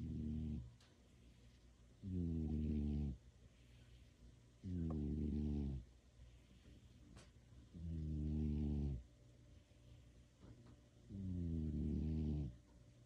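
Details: Cat sleeping in a person's lap: steady, low, rattling snores, about five in thirteen seconds, with quiet pauses between them.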